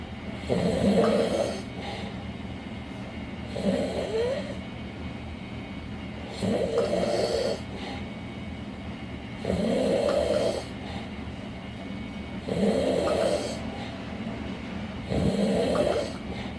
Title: Loud Snore 4